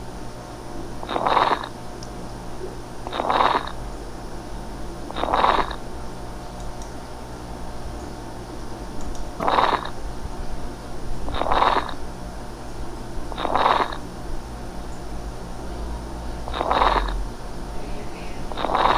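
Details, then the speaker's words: Fine velcro-like crackles in pulmonary fibrosis, produced as scarred collagen regions are stretched when healthy lung expands: a crisp crackling sound. "genera también cierto estiramiento de estas regiones cicatriza les y se escucha el estertor crujiente que suena más o menos así escuchen crujido vil"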